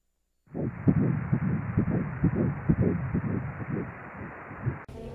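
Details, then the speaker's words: Doppler fetal heartbeat at a prenatal check during the mother's pregnancy (she married at 16 weeks): rapid whooshing beats, roughly 130–140 per minute, with soft background music. "오늘 아기 신장 소리 들으러 왔어요."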